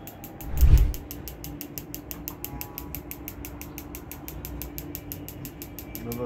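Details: Focused shockwave therapy device firing during frozen shoulder (shoulder pain) treatment; rapid regular sharp ticking pulses about five per second over room noise, with a brief thump.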